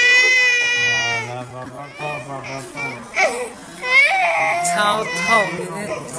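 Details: Loud, high-pitched infant crying in bursts after receiving an injection, a pain cry.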